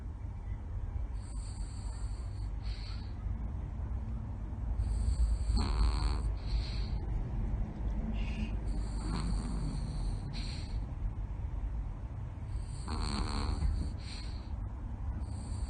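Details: 10-year-old Yorkie recovering after an operation to remove two bladder stones: soft snoring in regular cycles, with faint whistling on each breath.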